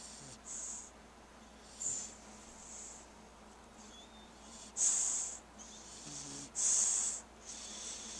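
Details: Chubby puppy snoring while asleep: soft, hissing breath noises recurring irregularly, with a few louder snorty ones.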